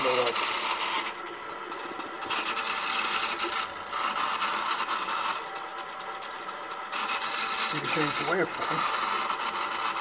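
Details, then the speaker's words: Homemade programmable bedside ventilator, a servo-driven scissor mechanism squeezing a bag-valve-mask (Ambu) bag: rushing and whirring in steady squeeze-and-release cycles with a motor hum throughout; mechanical ventilator cycling. "this waveform is one where it relaxes pauses for a second and then squeezes and releases again and it squeezes the patient as in healing when it releases exhale"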